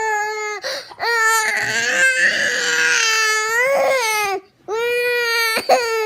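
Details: Young child crying for over eight minutes, sustained high-pitched wailing broken by brief gasping breaths, in a small room with music, while asked what's the matter and offered juice: crying.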